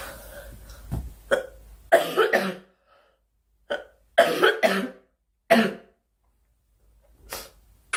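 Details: A girl, who says she is sick and wants the coughing to stop, gives several clusters of short, dry coughs, about eight bursts, separated by brief pauses; cough.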